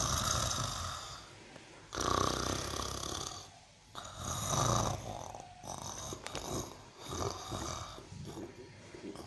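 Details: Cow snoring: loud, rough snoring breaths repeating every couple of seconds, with some room noise.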